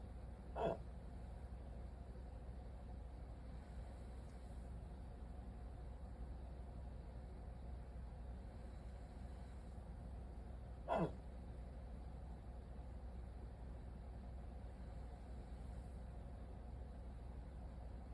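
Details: Two brief, abrupt hiccups about ten seconds apart over a steady low hum, in a rare 14-minute hiccup attack after waking from sleep with a CPAP mask.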